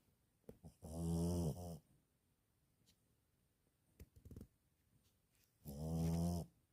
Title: napping and snoring.lol